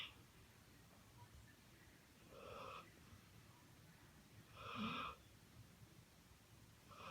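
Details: Two slow, high-pitched whistling breaths over a noisy background: a squeaky snore on breathing in.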